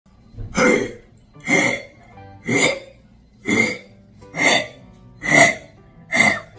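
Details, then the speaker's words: A pet dog coughs seven times in a steady series, with a gurgling, phlegmy wet quality. This kind of productive cough can occur with bronchial inflammation or pneumonia. "아까랑 가래가 끓는 소리가 나죠 가래가 끓는 소리 가래가 끓는 소리가 나면은 요런 기침 같은 경우에는 기간지 염증이 있는 경우가 있고 폐렴이 있는 경우에 요런 식으로 기침을 합니다"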